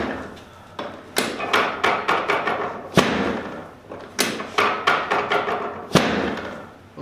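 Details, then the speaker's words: Sharp, irregular wooden thuds and knocks from chiropractic drop-table sections releasing during a torquing drop adjustment of a locked sacrum, on the right and left sides. The woman has lifelong daily headaches and weekly migraines. "so I'm going to do the torquing drop and we're going to do some on that right side some on the left side so you can break up some adhesions in this little back area"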